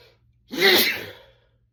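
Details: One sharp, hissing sneeze, brought on by chhinkni, fading quickly into quiet: sneezing.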